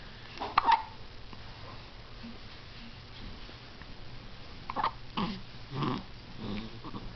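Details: Hiccups: short abrupt hiccup-like jerks in a quiet room, several clustered near the end.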